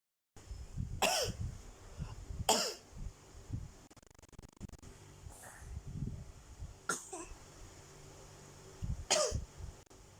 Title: the iconic cough